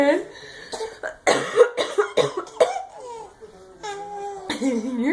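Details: A run of short dry coughs from the mother, then her baby's giggling in response; adult cough.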